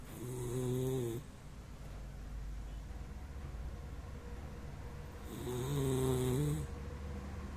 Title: snoring doxie daucshand